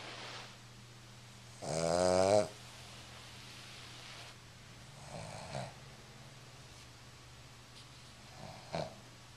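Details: Tired little dog asleep, with one loud rattling snore then two fainter breathing sounds over steady room hum; snoring during sleep.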